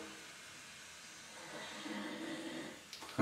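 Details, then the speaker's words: Loud, heavy snoring from an adult man recorded overnight by a phone snore-tracking app; he attributes it to a blocked nose during illness: snoring. "Zoals je hoort, snurk ik pittig goed. Zo, deze heftig."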